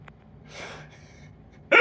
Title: Hiccups are funny to me!